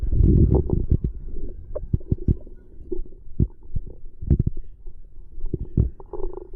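Low gurgling rumbles and bubbling pops from the belly after a meal, ordinary stomach growling.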